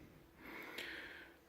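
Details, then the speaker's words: Sleeping pet dog, possibly dreaming, gives a single noisy, hissing, snort-like snore in the background of a lecture. "if you can hear weird sounds that's my dog she's snoring she's cute"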